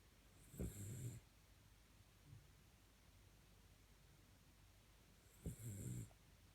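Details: Cirneco dell'Etna dog sleeping in its dog basket: two loud, low rattling snores about five seconds apart with a quieter breath between; snoring.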